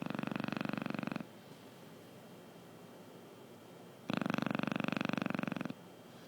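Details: Sleeping Chow Chow dog: two long rattling snores, each a rapid fluttering vibration lasting over a second, separated by quiet pauses; steady dog snoring.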